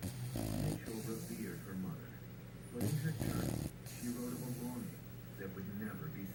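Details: Sleeping bulldog puppy: rough, rattling snores and snorting breaths over a low background hum.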